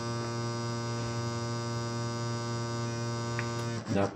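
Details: Mindray T5 or BLT monitor NIBP pump holding 100 mmHg during calibration with a Fluke ProSim 8 simulator: steady low mechanical hum, ending in a brief clatter.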